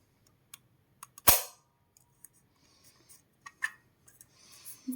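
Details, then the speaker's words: FreeStyle Libre 2 glucose sensor applied to a man's arm with its spring-loaded applicator: a single sharp loud snap as the sensor fires in, followed by light handling clicks. "this one fits on this one you just have to click it together and then you click it together take it out and inside here this one you shoot in your arm just"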